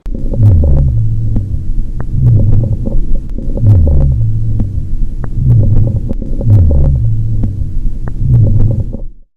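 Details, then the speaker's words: Coarse breath sounds (rhonchi): low, rumbling, gurgling sounds with each breath from secretions or fluid in the lungs, suggesting the patient needs to cough or, if intubated, suctioning. "course breath sounds are the noises you'll hear when the patient has secretions or fluid buildup in the lungs"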